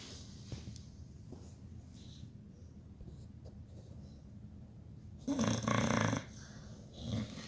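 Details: Pit bull dog dreaming while asleep and snoring: soft, quiet breathing with a louder, rough snoring breath near the end, in a quiet room.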